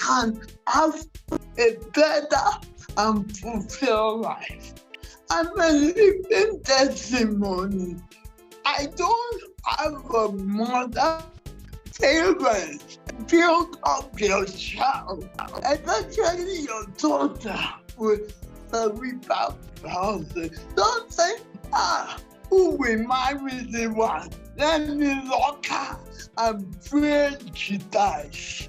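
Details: Uncoordinated speech in a 47-year-old woman with cerebral palsy since birth that presents through her speech; finding: dysarthria.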